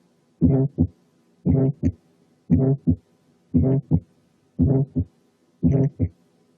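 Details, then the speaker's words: Still's murmur, an innocent functional systolic murmur: regular heartbeat near 58 a minute with a short, buzzing, faintly musical murmur confined to early and mid systole. "ثالث differential diagnosis هي الفانكشنال systolic murmur، ودي أول واحد وصفها هو ستيل، وعشان كده سموها ستيلز ميرمر، وبتكون شورت في أول ووسط السيستلي بس، وبيكون فيها زنة أو صوت موسيقي خفيف بيقولوا عليها بازنج، يعني فيها زز."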